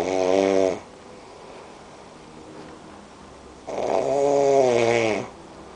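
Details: Man snoring unusually, attributed to smoking: two loud, rattling snores on breathing in, with a quiet pause between them.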